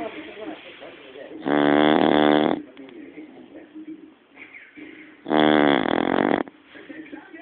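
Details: Dog snoring in sleep, reportedly with eyes open: two loud, buzzing, vibrating snores about four seconds apart with quiet breathing between; snoring.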